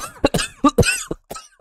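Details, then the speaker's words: Adult woman gives several sharp, harsh, explosive cough bursts in quick succession, forceful and heavy; a deliberately exaggerated cough. "会像是重病一样。我真的觉得每次我这样咳，周遭人一定会觉得我是一个超大颗的病毒。"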